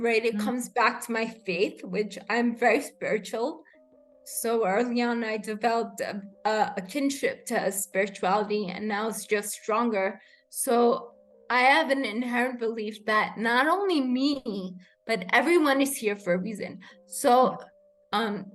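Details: Adult woman with rare degenerative cerebellar ataxia of unknown cause, diagnosed in youth; slurred speech began in early teens, improved with speech therapy, and worsens with fatigue or emotion; ataxic dysarthria.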